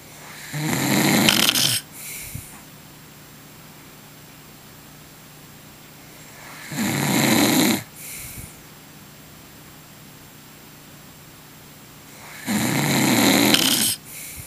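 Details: Adult man asleep, loud rattling snores on each breath in, about 10 a minute, with quieter breaths out between; typical adult snoring.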